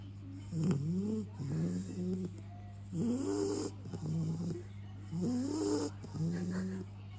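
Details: Dog in deep sleep snoring with rhythmic low rumbling and whistling breaths over a steady background hum; bacon held near his nose does not wake him.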